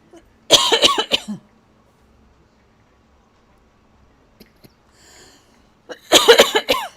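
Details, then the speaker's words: Adult coughing from a tickle in the throat while talking: two short bursts of several dry, harsh coughs separated by near silence. "I just got a tickle in my throat. [cough] My goodness."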